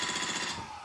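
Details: Rapid, even mechanical tapping like a small jackhammer, about twenty pulses a second: a SmartWave radial shockwave therapy device set near 60 joules, applied with lotion to a painful plantar fascia for plantar fasciitis.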